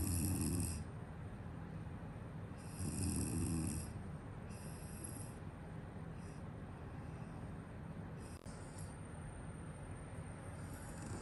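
Rough snores recur every two seconds or so against steady room hiss.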